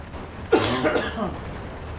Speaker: Sorry guys, if you can hear me coughing, I'm trying my best.